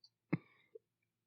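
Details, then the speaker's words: Single short, harsh dry cough burst with no wet rattle from an adult podcaster attributing it to household allergens, denying COVID; dry cough. "Like, it sounds like I have this gross, dry smoker's cough. Like I'm dying, but I swear to God, I don't have COVID, but it just really sounds awful."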